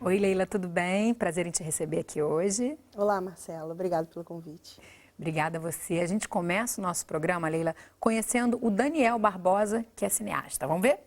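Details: Adults in conversation; Normal fluent speech.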